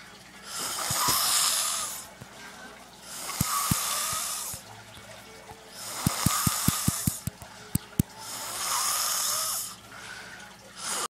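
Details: Snoring during sleep: loud, hissing snores with a rasping edge about every three seconds, with faint clicks in the background.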